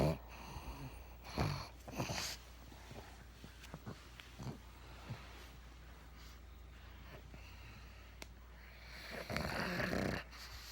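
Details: Pug, a flat-faced dog: irregular snorting, rattling breaths with snuffles against low room hum; snoring.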